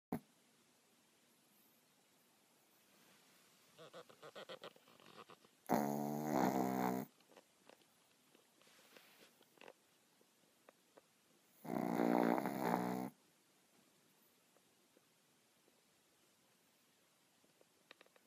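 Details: Sleeping 10 lb baby boy: two loud, buzzing snores about six seconds apart with quiet room noise between; snoring.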